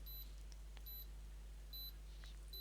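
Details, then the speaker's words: Soft, high, evenly spaced electronic beeps over a low steady hum from a self-applied heart recording monitor taking a reading, set to record about 20 hours, in a person diagnosed with atrial fibrillation two months earlier who must stay still. "and now it's reading so the beeping you here is that reading and it's going to love this so that's what it's doing at the moment it's just um reading"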